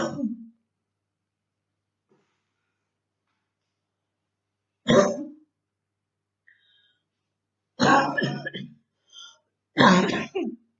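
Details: Girl in quarantine with very hard bronchitis: several harsh coughs and throat clearing in bursts with pauses; chesty cough.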